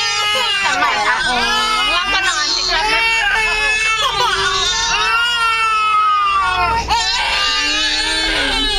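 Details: 8-month-old twins crying, tired after playing and a drive back from Pattaya: continuous loud, high-pitched overlapping wails sustained throughout.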